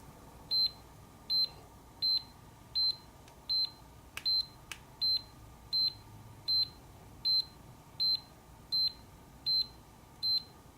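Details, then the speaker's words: Regular short high beeps, about 80 a minute, from an automatic home blood pressure monitor as the arm cuff tightens on a relaxed gardener, over faint room noise; reading 138/87. "so let's see what my blood pressure is let's start i have the cuff tightening around my"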